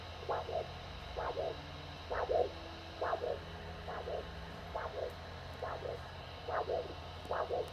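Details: Handheld Doppler over the dorsalis pedis during an ankle brachial index measurement: normal arterial pulse signal.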